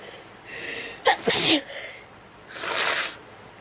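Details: A hissing in-breath builds to a sharp, explosive sneeze, followed moments later by a second, breathier sneeze burst: a sneezing attack.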